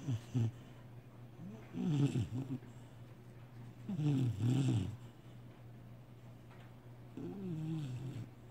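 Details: Pit bull dog snoring while asleep: low rattling snores in three bursts over a steady low room hum, each a vibrating breath sound; ordinary snoring.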